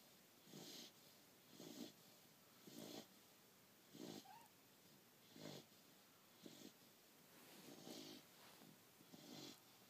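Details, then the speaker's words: Dog out cold asleep on a pillow: soft, snuffling snores about once a second, a little irregular; light snoring in sleep. "Somebody's out cold and snoring on Daddy's pillow."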